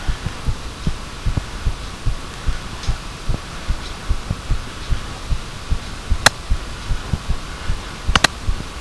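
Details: Regular low thumping heartbeat at about 75 beats a minute over steady hiss, with a few sharp handling clicks; recorded by microphone.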